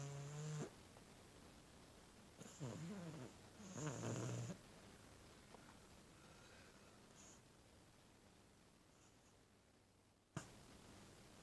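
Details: Sleeping, twitching cat, Tony, snoring: low, rumbling snores in short bursts, then quiet breathing.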